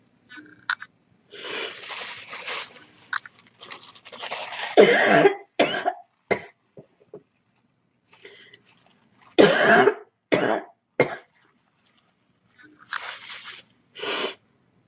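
Repeated bouts of harsh coughing with throat clearing and breaths between, about a dozen coughs in two main clusters.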